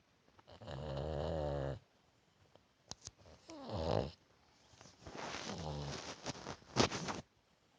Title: Funny dog snoring and dreaming